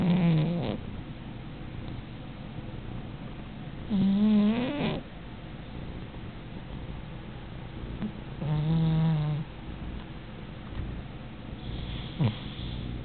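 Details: A sleeping cat snoring: soft, low snoring with a vibrating snore on some breaths, about 14 breaths a minute.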